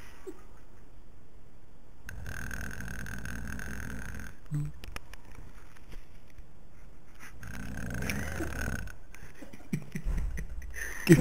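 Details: Sleeping dog snoring at night: two long, rough, low rattling breaths a few seconds apart with quiet pauses between.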